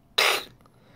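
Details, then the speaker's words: Single harsh, breathy burst: a person imitating the sound a puppy (8–12 weeks old) makes with kennel cough, not a hiccup or sneeze; simulated kennel cough. "that's a sound that puppies make it's not a hiccup it's not a sneeze that may be a sign that it's kennel cough"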